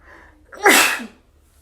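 A short in-breath followed by one loud, wet sneeze burst. This is a single ordinary sneeze.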